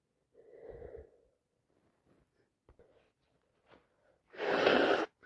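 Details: Sneeze with a bad head cold: a short inhaled buildup and faint breaths, then one loud, explosive wet sneeze.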